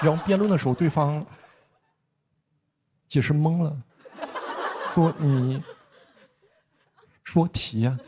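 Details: Male stand-up comedian who says he has a stutter, performing on stage; stuttering.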